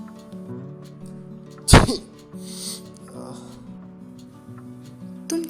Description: Not every sneeze causes corona.